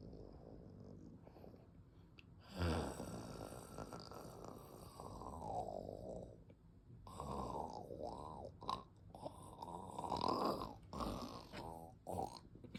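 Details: Shiba Inu dog snoring: loud, rough breaths with a rattling, slightly whistling quality, rising and falling over several long breaths in a quiet room.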